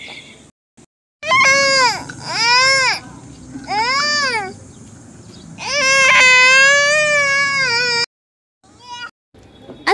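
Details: Infant crying in loud, clear rising-and-falling wails in several bouts with short pauses; baby frightened, reportedly scared on seeing soil; infant crying.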